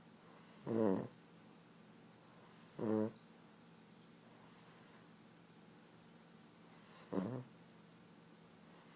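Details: Snoring Boston Terrier asleep: loud rattling snores, about one every two seconds at an uneven pace, over a steady background hum.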